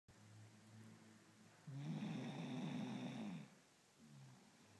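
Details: Rattling, buzzy breath sounds, one much louder than the rest, from an old, sleeping Scottish Terrier described as snoring really loud; snoring.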